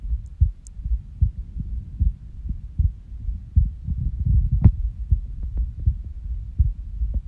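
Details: Resting heartbeat recorded after waking from a nap, with skipping: low thudding beats, somewhat uneven spacing with occasional pauses, consistent with skipped beats.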